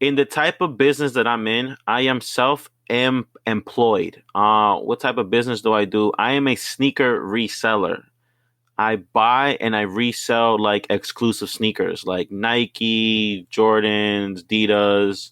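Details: Stuttering in a 29-year-old bilingual Spanish-English man who struggles to say vowels and has fluent and non-fluent months.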